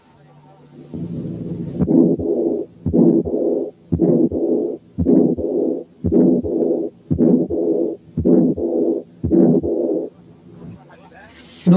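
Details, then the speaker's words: Combined aortic stenosis and aortic incompetence, heard at the second aortic area with the diaphragm: an ejection systolic murmur plus an early diastolic murmur, giving a to-and-fro murmur. "و10 كانت حالة combined aortic stenosis وايورتيك انكومبتنس فيها ejection systolic murmur وايرلي diastolic murmur."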